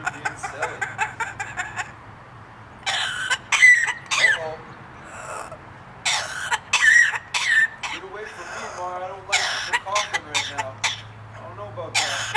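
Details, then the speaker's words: A pet parrot, which the owner says has a bad cough, makes short cough-like bursts among chirps and whistles during a coronavirus stay-at-home period. It is likely an imitated cough. The owner's voice is briefly heard. "You better stay about 8 to 10 feet away from me with that cough. No spitting over there either."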